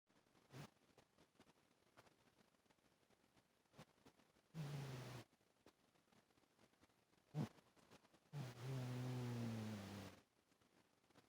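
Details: Pet snoring while asleep on owner's chest: two low, rumbling, droning snores separated by quiet breathing, recorded on a phone with faint hiss; snoring.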